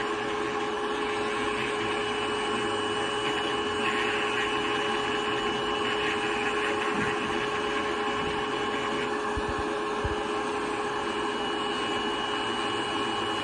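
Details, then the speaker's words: Continuous steady whirring hum of a rotary burr grinding thick foot callus in a diabetic patient with some neuropathy who still feels it as ticklish; the nearby ulcer, open for over two years, is now closed. "Okay, so now we're gonna grind it down. Ticklish? I guess that's what it is."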